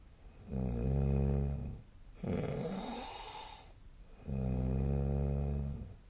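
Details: Loud, low, rattling snores on the in-breath with a breathy out-breath between, about 15 breaths a minute; nightly sleep snoring recorded 2024/12/12, with the SnoreLab snoring app referenced.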